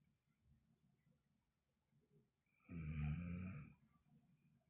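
One loud, rattling, roughly one-second snore on a breath in, set against a quiet room.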